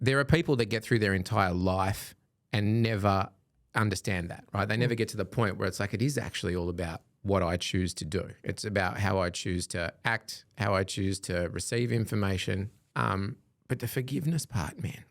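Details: Adult male speaker; typical speech.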